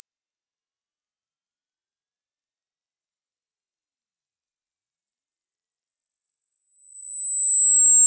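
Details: A pure, steady, very high whistle-like tone slowly falling in pitch, played after a countdown as a hearing test asking which frequency can be heard; results are not clinical data; hearing test tone sweep.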